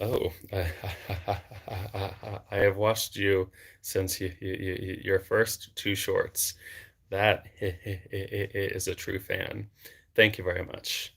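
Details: Adult man who has stuttered since age eight and had speech therapy from childhood into his early 20s; stuttering.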